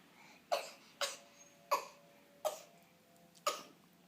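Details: Infant boy: five small, abrupt coughs in about four seconds, each with a faint squeaky voiced tail; cough.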